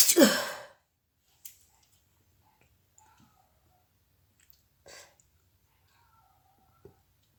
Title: nose blowing sneezing challenges video ( most requested)